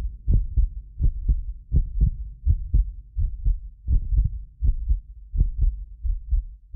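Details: Heartbeat of a medically fit adult recorded with more than six precision contact microphones; regular low lub-dub at about 83 a minute, occasional double clicks from a 6 ms microphone delay; normal heart sounds.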